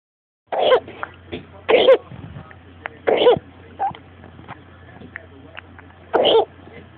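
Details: A child gives four separate, harsh coughs spaced a second or more apart, with quieter breathing between them over a low steady room hum; repeated cough.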